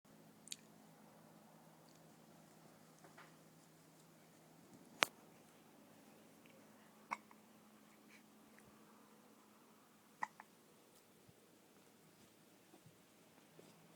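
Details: Faint, sharp, brief clicks recurring irregularly, about four in fourteen seconds, over a quiet room hum, from an animal relaxing on an outdoor couch: hiccups.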